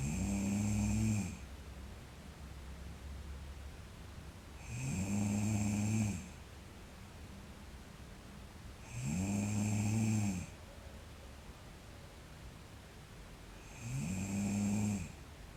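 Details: Sleeping girl snoring: four low, rumbling snores with quiet exhalations between, about 13 breaths a minute.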